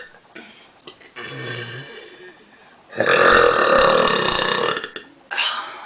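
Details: Woman burping: two loud, drawn-out belches with short pauses between them.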